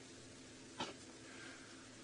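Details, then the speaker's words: A single short, sharp, snort-like impala sneeze from a herd of impala during a rainy sunrise safari drive in South Africa, with steady rain in the background. "I know if you could hear that there was an Impala sneeze"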